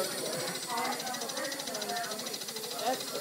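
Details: Steady rapid pulsing hiss of a Vortran percussive nebulizer run with a mouthpiece by respiratory therapy students in a lab practice session; faint talk in background.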